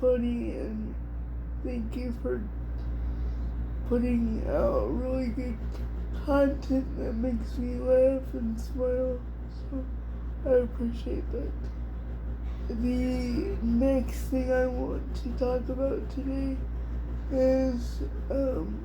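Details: Adult woman with cerebral palsy diagnosed at 6 months, level 4 or 5 by her own estimate, affecting her whole body including her speech somewhat and her hands; also has dystonia; dysarthria (cerebral palsy).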